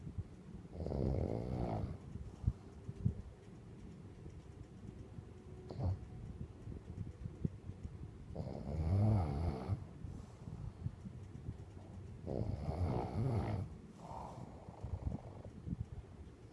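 Low, rattling snores on the in-breath about every four seconds, roughly 14 breaths a minute, with a faint background hum. Snoring.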